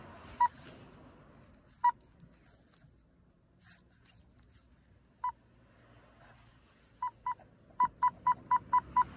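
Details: Power-on check of an OT-707 infusion pump: short electronic beeps, starting sparse then quickening into a regular run; infusion pump power-on beeps.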